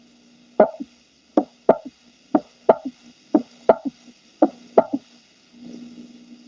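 Heart sounds at about 60 beats a minute, with a soft extra sound right after the second sound giving a galloping three-beat rhythm: a third heart sound.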